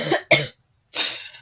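Two quick harsh coughs, then a pause and a breathy exhale or third cough; a coughing fit during an acute illness.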